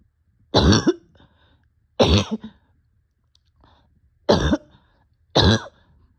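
Four harsh, abrupt coughs separated by quiet pauses; a barking cough in someone short of breath.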